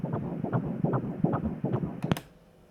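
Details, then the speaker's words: Ultrasound Doppler at a 13-week scan in a second pregnancy: fast, regular whooshing pulses at 148 beats per minute, a normal fetal heartbeat. "So, we got one of those. 148 beats per minute. Of course, that's normal."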